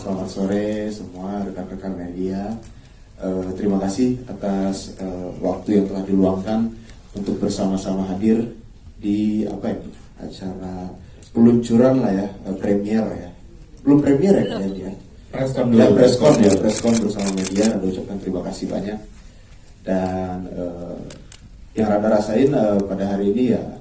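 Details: Adult man speaking; normal voice.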